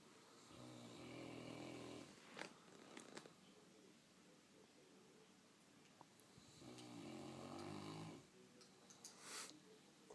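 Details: A sleeping St. Bernard dog, who fell asleep while being shaved, gives soft, rattling snores, two breaths a few seconds apart, with small room noises between.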